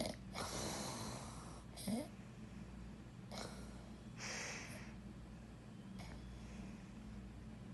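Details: Snoring during sleep: noisy, rattling breaths repeating in cycles with brief snorts against a steady room hum.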